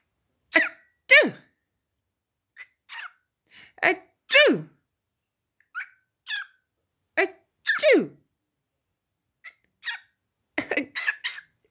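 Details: A pet parrot, Pikachu, imitates coughs and sneezes: short, sharp bursts in an uneven series; he has mimicked them since 6 months old.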